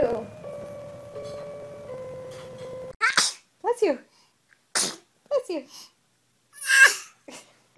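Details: Infant sneezing, possibly several babies, in a compilation: steady tones then several short, high bursts with small voice sounds and adults saying bless you; quick little baby sneezes.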